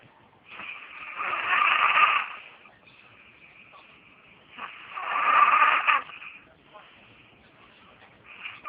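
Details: A child films her sleeping father snoring: long, harsh, rasping snores on each breath, about one every four seconds, with quieter breathing between.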